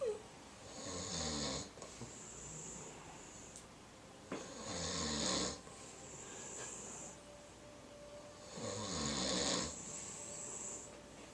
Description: Doug & Piper were taking a nap together and their snores sounded like music.